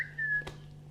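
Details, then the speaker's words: Girl with Tourette syndrome: a brief, sudden high-pitched whistle, a simple vocal tic. She says her tics worsen with strong emotion. "and it' be very unnoticeable pretty much it would just be like little things like whistling saying wow"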